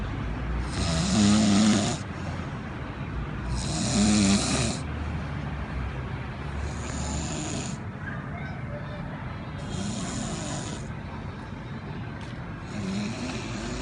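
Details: Snoring at a port: loud rough snores recurring about every three seconds, roughly 20 a minute, against a steady low background rumble.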